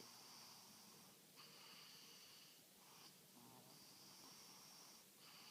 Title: Our snoring angel